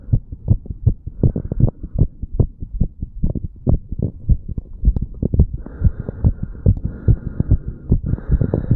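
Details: Normal heart sounds after exercise in a 35-year-old male doing pull-ups and breath holds, recorded at the mitral and tricuspid valve areas: fast, strong, regular beats with no extra sounds.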